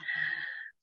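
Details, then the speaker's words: Female pet, a cat by its sound, snoring loudly ('like a male'), a single noisy, slightly whistling breath under a second; snoring. "an hear marley the female snoring like a male so can you hear that i think my boy all right"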